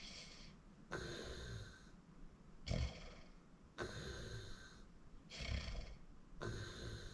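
Rough snores alternate with snorting breaths at about 20 breaths a minute. This is heavy snoring during sleep.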